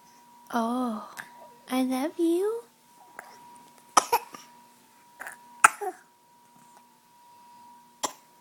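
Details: An infant babbles, then gives several short, sharp coughs while looking at her hand, over a steady background hum.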